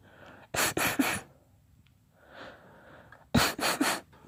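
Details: Sneezing fit, not induced, from a girl: a quick run of three sneezes, a pause with a breath in, then three more sneezes.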